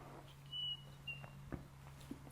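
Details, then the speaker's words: Audien Atom small CIC amplifying hearing aid switched on and then put into the ear: brief high-pitched whistles and squeal with handling noise; acoustic feedback. "Then put it in your ear. You will get some feedback."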